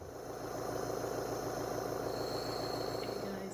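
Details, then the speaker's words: Nebulizer therapy in a patient with cystic fibrosis, during home IV antibiotics via port: continuous buzzing, rapidly pulsing motor hum of the nebulizer compressor running. "So I was in the middle of doing my therapy, as it just shows you with my nebulizers."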